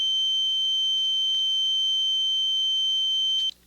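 A steady, pure high-pitched tone holds unchanged for about three and a half seconds, then stops, with faint low room hum beneath. It simulates ringing tinnitus, one of the most common forms: a single constant tone heard in the ear with no outside source, often at even higher pitches.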